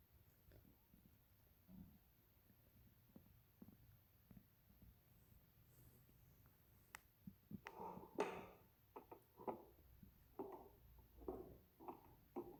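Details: Faint low rumbles give way to louder, irregular gurgling and squelching bursts in a quiet room, typical of stomach growling (borborygmi).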